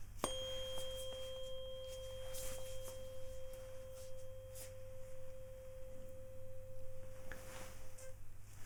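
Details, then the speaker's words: Tuning fork tone for a Weber test; the sound is heard about the same on each side, a normal result, in a simulated ASMR roleplay cranial nerve exam. "now get it sound the same roughly on one side to the other I'll do that again just to make sure okay so let me know if it sounds more or less the sound at the same on each side okay"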